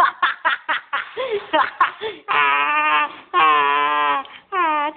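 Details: Baby who had been snoring loudly wakes up: short fussy vocal bursts build into long, sustained wailing cries; ordinary infant cry.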